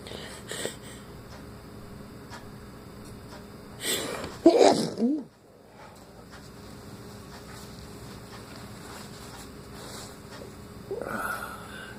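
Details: Morning sneeze after waking with a runny nose, following false starts: one sneeze burst preceded by a short inward breath, then quiet with low room noise.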